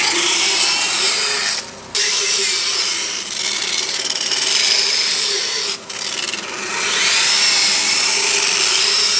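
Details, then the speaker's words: Loud continuous grinding rasp with a steady motor hum, briefly interrupted twice: a power dental float filing a horse's teeth; the horse feels the vibration, not pain. "they do feel the vibration and there's not a lot to absorb that vibration so sometimes they shake and move because of the vibration but it doesn't hurt"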